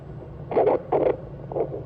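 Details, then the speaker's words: Handheld ultrasound Doppler probe over a limb artery, adjusted for the strongest signal before cuff inflation to find arterial occlusion pressure for blood flow restriction: rhythmic whooshing arterial pulses, about two a second, loud and robust; normal arterial flow. "make sure that once we hear that sound we rotate a little bit make sure that we're getting the best possible most robust noise possible okay so that is very very loud very good"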